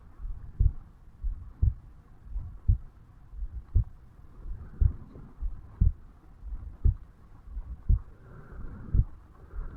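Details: 35-year-old male, self-recorded at the bicuspid/mitral valve area on waking in the morning: regular low heart thumps at about 57 beats a minute, faint background rustling; heart sounds.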